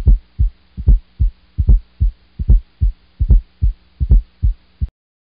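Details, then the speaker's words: Fourth heart sound (S4), a low-frequency sound just before S1, linked to stiff, non-compliant ventricles and rarely innocent; regular rhythm at about 74 beats per minute with a soft extra sound before each S1. "the second added heart sound is s4 and that is the low frequency sound heard before s1"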